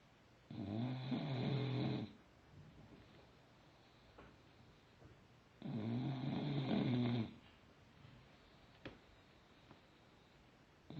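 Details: Sleeping rescue bulldog snoring heavily: loud, rumbling snores on each breath in, about five seconds apart, with softer snuffles between them.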